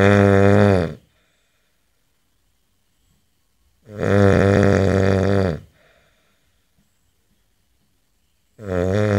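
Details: Real recording of a man snoring: loud, deep, rumbling snores on the in-breath separated by long silent pauses, about 13 a minute; snoring.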